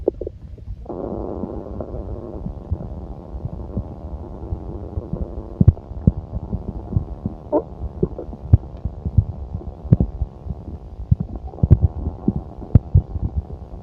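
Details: Low continuous gurgling and rumbling with scattered pops and squelches: active, normal bowel sounds of a full stomach.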